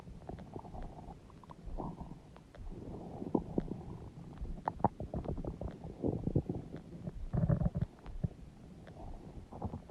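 Loud, low gurgling and rumbling from the belly, typical stomach growling from gas and fluid moving through the gut.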